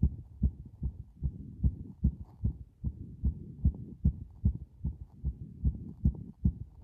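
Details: Compressed heart sounds recorded after a bath against the chest: regular muffled paired thumps roughly 75 beats per minute over a steady low rumble.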